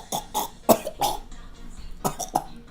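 Two quick runs of short, harsh coughs, about six bursts in all, with a brief pause between the runs: a repetitive cough.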